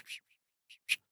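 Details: Adult man with Tourette syndrome deliberately demonstrating a bird-like tic made with his teeth: vocal tic (Tourette syndrome)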